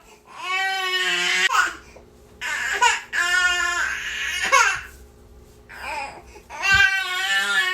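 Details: Infant niece crying nonstop: loud, sustained wailing cries in repeated bursts with brief breaths between, in a small room.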